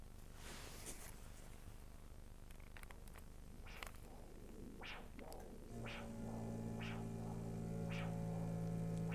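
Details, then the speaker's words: Ankle-brachial index exam: handheld Doppler on the left posterior tibial artery behind the medial malleolus during cuff deflation, rhythmic whooshing pulses about 80 a minute, steadying as the artery is found; pressure 149 mmHg. "Okay, I've waited for three return beats. I'll go back to the first one. at the onset for a pressure of 149 millimeters of mercury."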